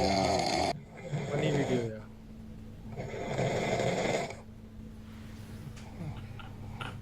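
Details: Loud, rough snoring on two long inward breaths, with a steady hum and quiet room sounds between them; a father snoring as his young children react.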